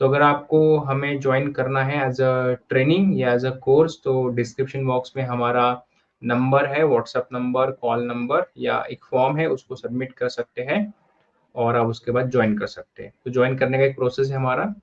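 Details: Adult male speaker; fluent speech.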